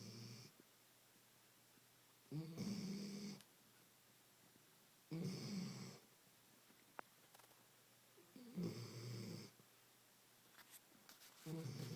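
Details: A dog named Lily snoring: regular rattling snores with quiet pauses, about 20 breaths a minute.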